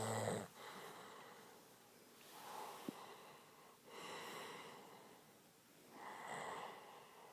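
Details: A woman snoring loudly: rough, harsh, snorting, animal-like breaths repeating about every two seconds.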